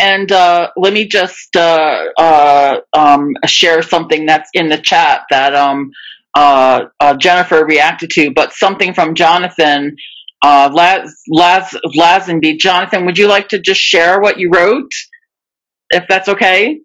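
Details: Adult webinar host who stutters, speaking with part-word and word repetitions and fillers: stuttering.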